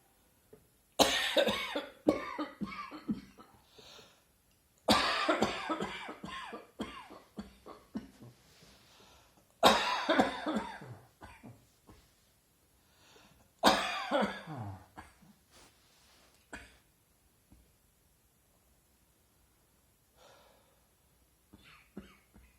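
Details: Adult sitting reading in a garden on a hot early autumn afternoon, sudden cough at back of throat recorded on smartphone: four harsh, dry bouts trailing into smaller coughs, no wet rattle; dry cough.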